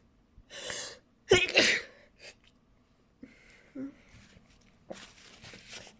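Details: A sneezing fit: short burst of explosive sneezes in quick succession with quick breaths drawn in between.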